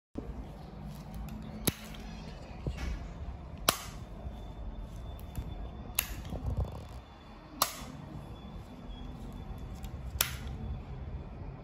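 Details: Needle-free painless anesthesia injector at a hair transplant clinic: several sharp snapping pops at irregular intervals over room noise and faint music, each one a firing of the device.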